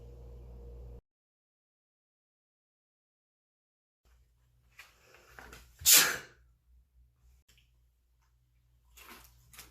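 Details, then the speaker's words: Acted comedy skit: after a brief hum and a quiet pause, one loud, sharp sneeze bursts out over faint room noise. "was that a sneeze yeah i know why did you do it i don't know because people sneeze sometimes"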